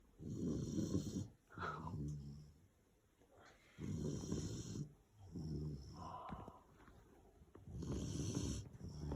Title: My Dobberman snoring 😴